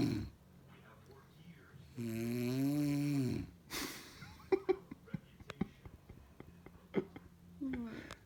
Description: baby and snoring mom